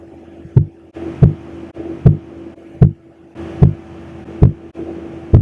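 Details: Sharp, regular low thumps at about 75 a minute over the arm artery as the sphygmomanometer cuff deflates, heard by stethoscope during a resting blood pressure measurement before exercise; Korotkoff sounds.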